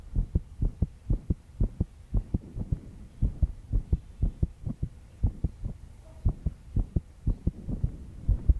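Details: 22-year-old female, stressed after an all-nighter working; steady paired heart thumps at about 120 beats a minute with faint background noise, fast heartbeat under stress.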